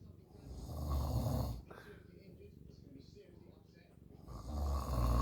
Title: Snowball snoring